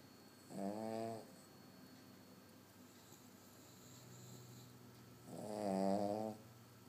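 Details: Abby, a small dog, sleeping, gives two loud, rattling, voiced snores about five seconds apart with a quiet breath between; she is said to out-snore the household.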